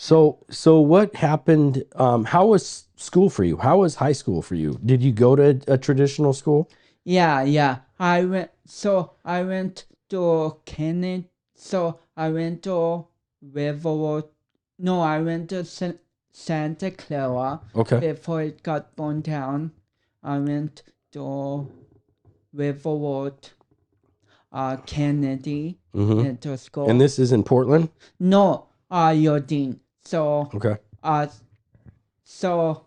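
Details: 32-year-old man with cerebral palsy, which he says affects his speech coordination and walking; dysarthria (cerebral palsy).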